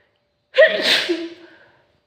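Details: A single sharp, explosive sneeze with a brief voiced burst, then quiet, heard over a video call.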